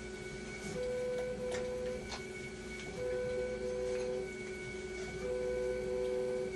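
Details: Dialysis machine running during conductivity cell calibration with a meter: a steady mechanical hum and repeating tonal beeps over faint background music. Conductivity had been fluctuating between 15 and 17 and settled at a stable 14.8.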